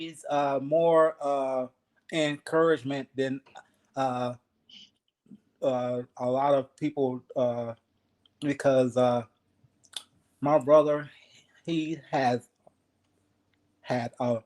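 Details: 52-year-old man, 3 years after an ischemic stroke, still working on his speech, in a real conversation; aphasia.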